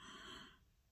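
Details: A sleeping dog gives a single brief, noisy, snorting breath that fades into quiet room noise: snoring.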